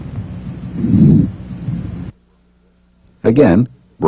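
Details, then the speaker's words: Normal bronchovesicular breath sounds of a healthy patient, heard by stethoscope over the first and second interspaces anteriorly and between the scapulae posteriorly: a soft rushing sound with inspiration and expiration about equal, played between bronchial and vesicular sounds for comparison. "let's listen to these sounds again to compare them bronchial bronchovesicular and vesicular sounds in that order"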